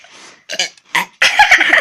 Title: #2 burping comp